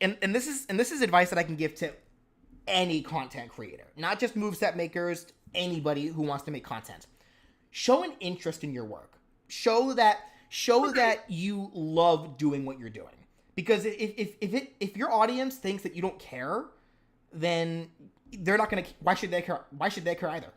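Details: Adult male streamer with a self-described pretty bad speech impediment: he stutters and sometimes uses wrong words, speaking unscripted in a live stream, where he feels less confident than when scripted. Stuttering.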